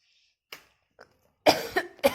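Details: Person with a bad cold and cough who says she feels very chilly and unwell: a couple of faint breaths, then two or three harsh coughs in quick succession. Cough from a cold.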